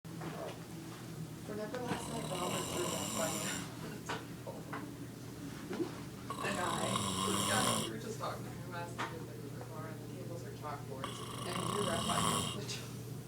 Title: Waking up my snoring Dad